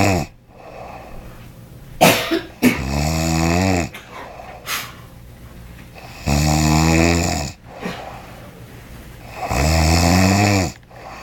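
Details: Male snoring loudly while asleep in a hotel room: loud, rough, rattling snores on each inhalation, about 18 breaths per minute, with quiet gaps between.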